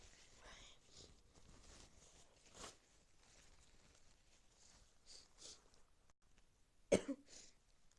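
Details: Several soft sneezes and breathy bursts with one loud sharp sneeze near the end; repeated sneezing with a cold.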